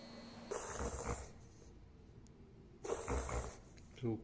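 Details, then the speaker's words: A roughly 12-year-old beagle-pug cross with unusual breathing episodes: two bursts of harsh, rapid snorting inhalations, typical of a reverse sneeze. "he's been having some really unusual breathing problems and this is what's been going on"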